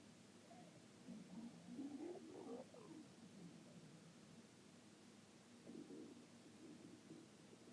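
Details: Soft warbling gurgles rising and falling over steady background hiss; ordinary stomach growling (borborygmi).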